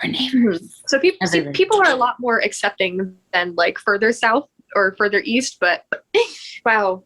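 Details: Tourette syndrome vocal tics in a woman; swearing and "wow" tics interrupt her speech while she tells a story.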